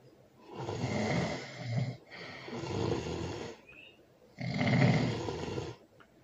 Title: #ASMR #SNORING #LOUD ASMR loud snoring with baby